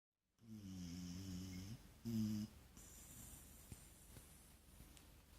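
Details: A sleeping male puppy snoring, possibly dreaming; snoring.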